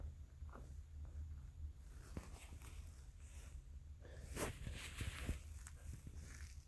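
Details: A dog's stomach growling: low, soft rumbling and gurgling from the belly, the ordinary sound of gut movement (borborygmi).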